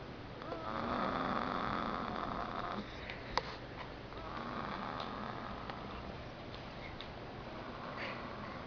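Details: Snoring: long, soft, buzzing breath sounds with a faint whistle against steady room noise.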